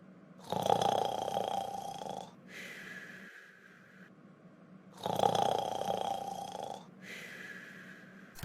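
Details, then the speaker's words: Simulated snoring sound effect from an animation: two slow cycles of a loud rasping in-breath snore, each followed by a softer whistling out-breath; snoring. "well sleeping on your back it makes snoring worse i read"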